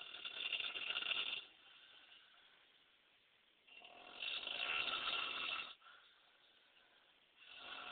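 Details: Adult woman snoring at 3 a.m.: regular rattling snores on each breath in, about three in eight seconds, with quiet breathing out between them; snoring.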